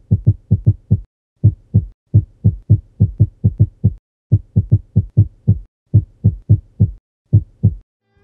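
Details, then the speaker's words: Atrial fibrillation with rapid ventricular rate, no rate-control medication, shown alongside the ECG: fast heart sounds with irregular spacing and uneven pauses. "geralmente a frequência cardíaca está elevada caso o paciente não utilize medicação para controle de frequência escutaremos as bulhas cardíacas acontecendo em ritmo descompassado"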